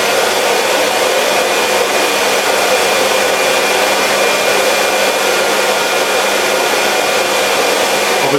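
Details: Homemade battery-powered emergency CPAP ventilator with face mask: loud, steady whirring hiss of a small air blower with a faint motor hum, running continuously.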